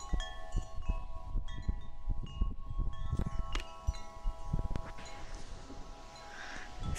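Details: Steady, soft, low thumps of a normal, regular heartbeat under ringing wind chimes, played during a binaural ASMR stream.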